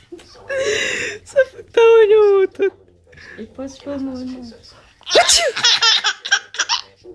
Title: Our baby laughing at brother's sneeze!